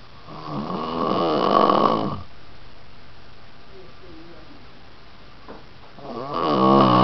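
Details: Two loud, rattling snores separated by a quiet pause of about four seconds; snoring.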